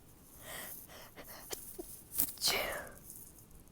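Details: Stifled sneeze: soft breathy build-up, then a sharp, muffled burst of air and a hissing release.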